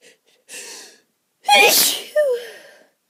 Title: Itchy allergy sneezes